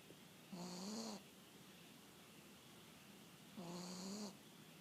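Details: Dog that barked until exhausted while the owner was out, then fell asleep on the owner's return: two soft, squeaky, whistling snores about three seconds apart in a quiet room; light snoring.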